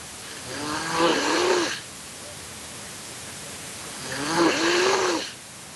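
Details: Person who fell asleep during a livestream: two long, droning snores with a rising-falling pitch, about three seconds apart, over steady room hiss; ordinary snoring.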